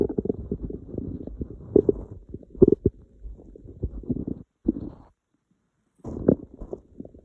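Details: Hungry stomach noises: gurgling, bubbling rumbles in irregular bursts with brief pauses (borborygmi).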